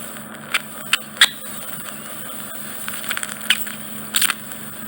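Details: Endoscopic microsuction of deep impacted wax in a man's right ear canal, causing reduced hearing: steady suction hum with irregular crackling pops as wax is drawn in; ear microsuction.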